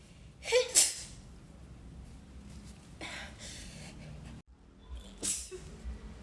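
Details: Sneezes being deliberately induced, described as a tickle: a quick intake of breath, then a sharp sneeze and a second sneeze burst. Ordinary sneezing.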